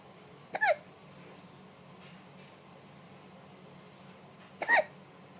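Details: A baby's hiccups: two short, sharp gulping hiccups about four seconds apart in a quiet room.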